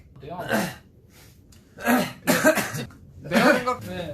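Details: Coughing, compiled clips: several short harsh coughs and throat-clearing sounds in a quiet room.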